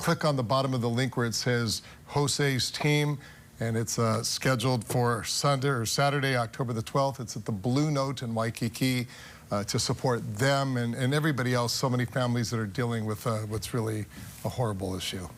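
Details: Adult male speaker; Normal speech.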